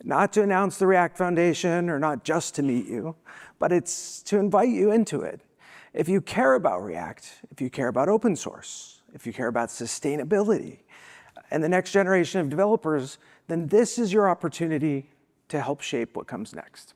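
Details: Spasmodic dysphonia, a vocal disability, in an adult woman who states she is not sick.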